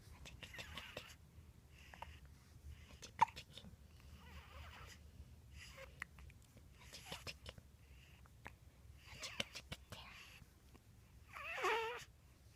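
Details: Baby hiccups, week 7: quiet, brief catch-like sounds about every second over faint breathing and room noise, with a small cry at the end; infant hiccups.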